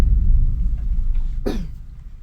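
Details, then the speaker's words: A single short, sharp acted cough from an adult in a comedy skit, coughing since last night, over steady low rumbling room noise; cough. "what you sick no how long you been coughing since last night"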